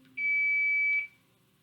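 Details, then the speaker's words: CPR training on a mannequin: a single steady high beep lasting about a second as the training AED is switched on once it arrives; AED power-on tone. "the AED has arrived the first thing that I do once the AED has arrived is turn it on and hopefully you can hear"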